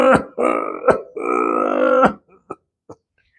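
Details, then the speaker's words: Imitated small-airways cough of COPD or emphysema: coughs with long, groaning, drawn-out expirations. "The moment you hear this kind of a cough, you know that the problem is in the small airways, and this is classically what happens in patients of COPD or emphysema."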